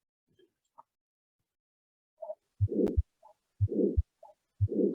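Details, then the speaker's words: Aortic stenosis murmur in a veterinary heart-sound teaching recording: three cycles, each with a sharp S1, a rising-then-falling, rather high-pitched whooshing murmur between S1 and S2, then a crisp S2. "Jadi suaranya timbul segera setelah suara pertama tadi, ya, sebelum suara jantungnya, antara suara jantung 1 dan 2."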